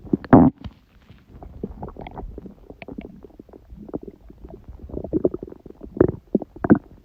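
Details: Stomach growling recorded at 1:30 am, about six hours after eating too much udon, owner suspects reaction to gluten after a long break; gurgling, bubbling rumbles and squeaks coming in bursts (borborygmi).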